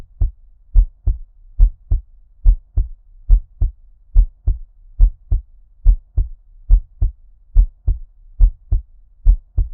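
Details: ASMR heartbeat with an ear-cupping effect: muffled, regular lub-dub beats at about 70 a minute, sounding underwater; a normal heart rate and rhythm.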